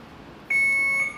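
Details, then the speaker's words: Alaris infusion pump set up for alteplase thrombolysis at 1 mg per hour, volume to be infused 400 cc: a single high steady beep about half a second long on pressing start; infusion start beep. "that starts the infusion thank you for listening"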